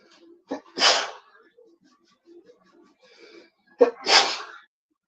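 Two sharp, explosive sneezes from an adult a few seconds apart, with a quiet room behind; an ordinary sneeze.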